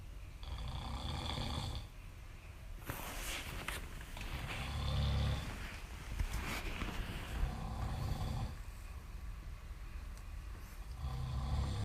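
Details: Repeated low, rumbling snores with noisy breaths in and out from someone sleeping on a couch; snoring.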